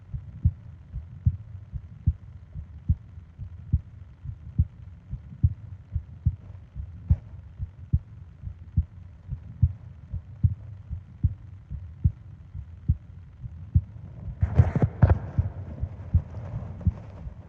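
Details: Steady low heart thumps at about 72 beats a minute, with a soft breath or rustle near the end; normal heartbeat from a 20-minute sleep ASMR heartbeat and breathing recording.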